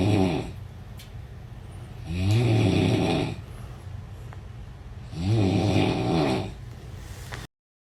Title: 1 or 2 ? Snoring lousy #meme . Free travel while sleeping xD #shorts